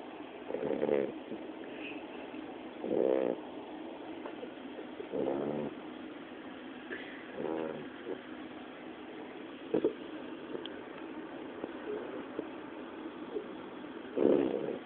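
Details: Snoring from a sleeping pet: soft, rattling snores about every two seconds over steady background hiss.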